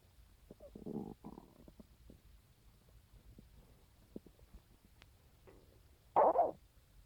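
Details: Stomach sounds on waking in the morning, recorded with a phone: low gurgling and rumbling bursts in a quiet room, ending in a louder growl; ordinary stomach growling.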